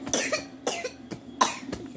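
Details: Young boy with RSV plus another illness: a rapid run of about five short, harsh, croupy coughs in two seconds.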